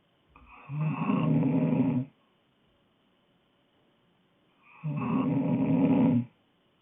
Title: Snoring girl